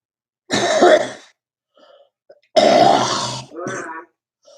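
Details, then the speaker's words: Adult with COPD and allergies on fluticasone, on a bad nasal-congestion day with a stuck booger, snorting and coughing. "Well, anyway, I had a bad booger day today. You can hear me snorting and coughing and shit."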